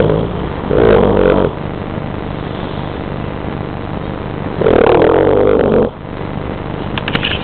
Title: my dog wilson snoring